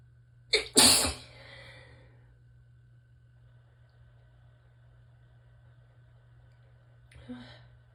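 A quick inward catch followed by one loud, sharp sneeze, then a softer breath sound several seconds later; an ordinary sneeze.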